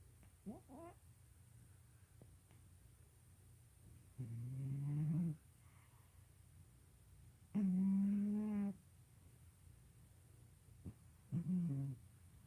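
A cat snores softly, with low, buzzing, slightly tonal snores about every three and a half seconds.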